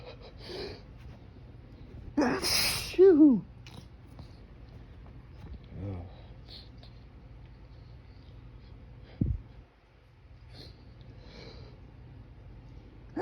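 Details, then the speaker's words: Outdoors in breezy, pollen-filled morning air, allergy sneeze held back with fingers pressed to the nose: sharp build-up and forceful sneeze, then a nasal snort and smaller muffled attempts. "that's what I a get for trying to hold them back when I try to hold them back I I just get stronger"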